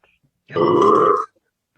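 One loud, sustained voiced burp lasting under a second in a quiet room.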